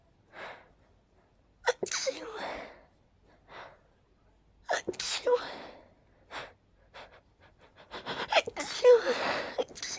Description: I was really trying to finish each sneeze I had with "choo!" It was quite challenging but fun 😋